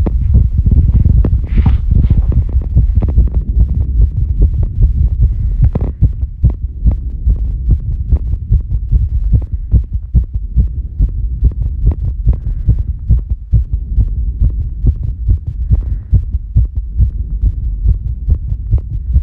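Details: Female heartbeat after squats, during recovery: fast, steady low thumping around 140 a minute, a normal raised heart rate after exercise.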